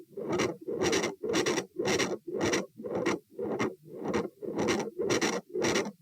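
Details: Heart sounds at position A (aortic area), recorded standing and sitting at 120 bpm: a harsh, rasping, very loud murmur with every fast beat.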